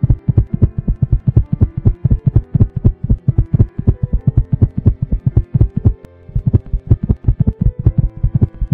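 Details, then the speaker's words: Simulated regular heartbeat, paired thumps at about 80 to 95 a minute over background music, stated to rise to 95 beats per minute as the person starts walking: normal heart sounds at an increased rate. "now when the person start walking heart beating rate increased up to 95 BPM"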